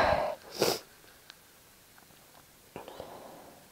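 Two quick sneezes, a brief one then a sharper burst, followed by quiet room sounds and a softer breath or sniff.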